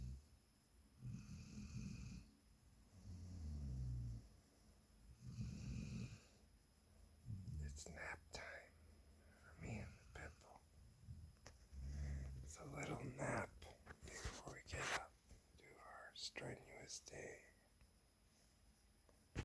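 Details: Sleeping subject, possibly a dog: low, rumbling snores recur every few seconds, partly masked by clicks and handling noise; snoring.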